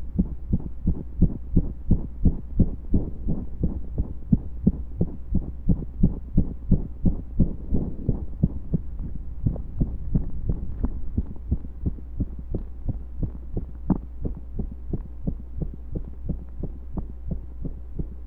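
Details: Heartbeat recorded during pressure and breath holds: fast, mostly regular beats with a few uneven gaps where beats seem to drop; occasional skipped beats, low hum underneath.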